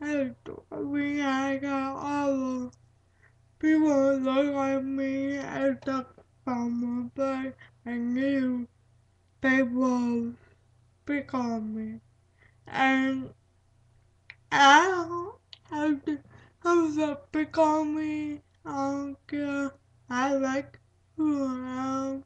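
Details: Dysarthric speech associated with cerebral palsy, with broken, hard-to-recognize words and repetitions.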